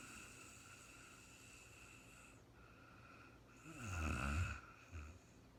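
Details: Real-time recording of an adult woman sleeping after being very tired: a single soft snorting snore on one breath in, heard over a quiet, steady hum; sleep snoring.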